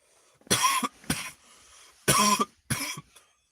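Four short, harsh coughs from an adult come in two pairs, with a brief throat-clearing sound in between; an isolated coughing episode in a quiet room.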